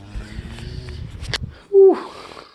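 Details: Old rescued beagle-rescue dog, found abandoned with a big knot on his head and vet-treated, sleeping comfortably: rumbling snores then one loud snorting, whistling breath, with people talking and music nearby; snoring.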